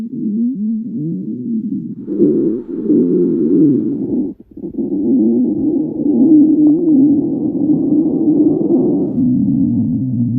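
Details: Stomach growling (borborygmi): long, wavering low gurgles and squeaky rumbling tones, nearly continuous with one brief pause.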